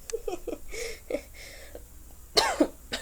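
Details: Several short, weak coughs and throat clearing in a small room, ending in a sharper cough burst, from a person who says they are sick; cough.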